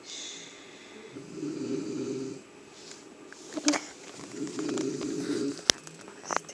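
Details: Simulated snoring: a small child imitates her father's snoring with two drawn-out, rattling snore-like breaths and faint room noise between.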